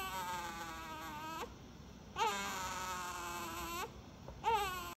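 A newborn cries in three long, loud, steady wails separated by brief pauses for breath.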